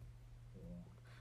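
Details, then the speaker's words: Faint, brief wavering gurgle over a steady low room hum during a livestream; the streamer says her stomach growled and is embarrassed: ordinary stomach growling (borborygmi). "お腹鳴った、恥ずかしい、聞こえた？"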